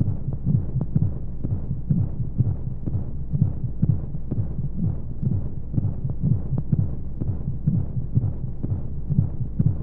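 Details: Simulated womb sound for baby sleep aid: steady muffled heartbeat thumps at about 125 a minute under constant low whooshing noise and white noise; heartbeat.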